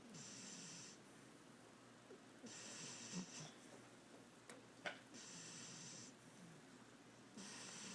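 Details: Sleeping beagle snoring again: soft, hissing, noisy breaths in a slow rhythm about every two to three seconds, with faint snuffles; quiet snoring.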